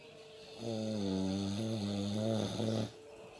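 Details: Man snoring: a single loud, buzzy, tonal snore lasting about two seconds over quiet room noise; snoring.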